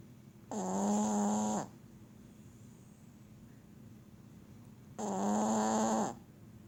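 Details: Two long, loud, buzzing snores about four seconds apart with quiet between them: heavy snoring in a sleeping dog.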